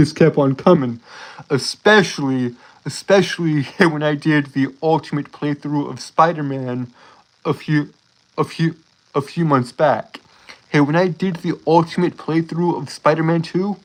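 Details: Adult male streamer with a self-reported speech impediment causing stuttering, with sound and word repetitions; stuttering.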